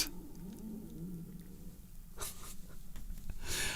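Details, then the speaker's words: Stomach rumbling (borborygmi) heard during a live stream, from a hungry adult man's stomach wanting food. "know it's not the nicest sound in the world, but that is my stomach complaining at the moment because it wants to eat something."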